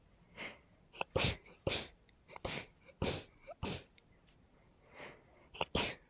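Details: A rapid run of about eight sharp, high-pitched sneezes in six seconds, blamed on pollen; a sneezing fit.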